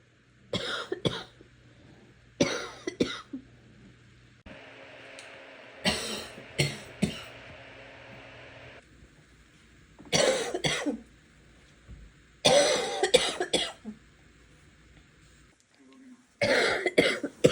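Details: Repeated bursts of loose, rattling coughs from an adult: wet, productive cough.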